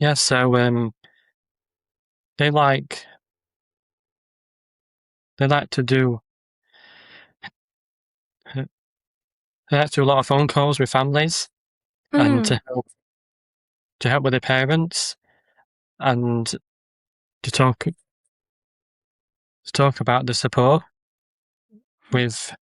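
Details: Adult man with a stammer who makes social media videos of ordering and talking to people to build confidence; word and phrase repetitions and pauses; stuttering.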